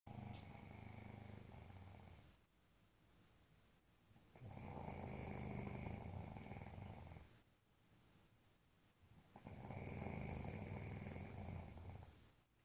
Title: Cant sleep thru the snoring... sounds like a bad thunderstorm lol